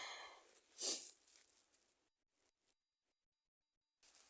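A single sharp, hissing sneeze burst, followed by quiet breathing; a sneeze during a cold.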